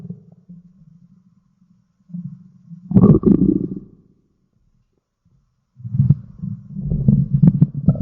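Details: Stomach growl (borborygmi): low gurgling, rumbling growls in two bursts separated by quiet.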